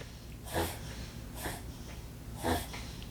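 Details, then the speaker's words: Pet sneezing in a quiet room during a reading vlog: three short, sharp nasal bursts about a second apart, a run of repeated sneezes. "sorry you can hear that that's Luna she's sneezing Luna oh"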